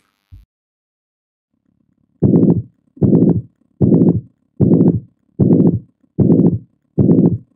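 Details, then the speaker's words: Ventricular septal defect murmur in a teaching recording: regular heartbeat near 76 per minute with a harsh, high-pitched pansystolic murmur from S1 to S2. Best heard at the left sternal border. "ow this murmur is a high-pitched pansystolic murmur like a mitral regurgitation but mitral regurgitation is a blowin murmur and this is a harsh murmur and we'll listen to the difference in a minute"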